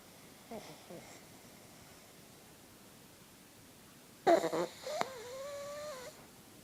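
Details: Pug (Alfie) snoring while asleep: faint snuffling breaths, then a snort and a brief high whistling, wheezy nasal sound.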